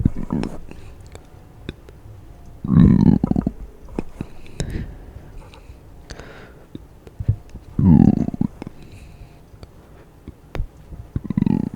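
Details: Deliberate closed-mouth burps, a first attempt, with a few small hiccups: about five muffled, low burps at irregular intervals over quiet room noise.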